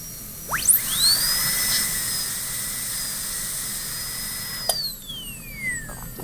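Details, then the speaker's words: Dental high-speed handpiece (drill) cutting a Class II preparation on a manikin typodont tooth in simulated patient treatment: high-pitched whine spinning up, holding steady while cutting, then winding down. "so I'm going to move the margin out a little bit farther and cut straight in okay adjust that angle till it's a little bit obtuse"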